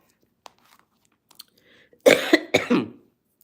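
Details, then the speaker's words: Adult speaking live gives two quick, harsh coughs and clears the throat in a quiet room; speaker attributes the cough and affected voice to sinus problems with weather changes. "Excuse me. 167 quotes [cough and clears throat] that I coined sinus problems, y'all."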